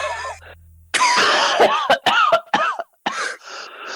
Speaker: That noise was horrifying. Shut up. So, stop coughing on my podcast.